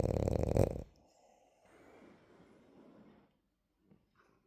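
A loud, rattling snore on one breath in, then softer, quieter breathing sounds while asleep.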